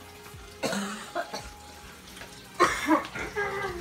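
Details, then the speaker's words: Two short bursts of harsh, dry coughing separated by quiet in a small room, from a vlogger with a chronic cough causing night-time cough attacks despite cough medicine; chronic cough. "just woke up from a I think a 3 hour 4H hour nap because my cough woke me up so that means that the cough medicine is not working still I think I just have to suck it up and just deal with this chronic cough"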